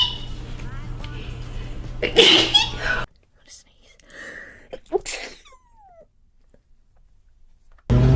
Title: Sneeze Compilation #11